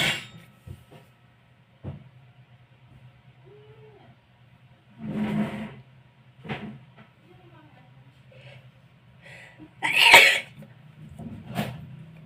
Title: more loud sneezing.